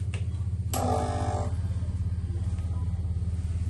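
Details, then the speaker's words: Endoscope leak tester switched on with the scope submerged under water during reprocessing; low, rapidly pulsing pump hum with a brief clatter near the start, before checking for bubbles. "also you want all this to be under water the best you can get it under water and then we will turn the leak tester on"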